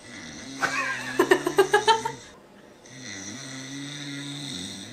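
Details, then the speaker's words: Adult man snoring during sleep despite wearing anti-snoring aids, keeping mouth closed: loud, pig-like snorting snore with rapid fluttering grunts, then steady low droning hum; snoring. "なんかあれじゃろ。豚になったよね。豚が寝とるみたいな。"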